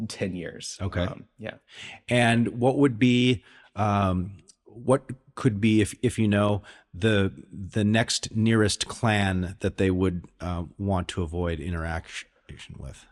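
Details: Adult male speaker, brief second voice; normal conversational speech.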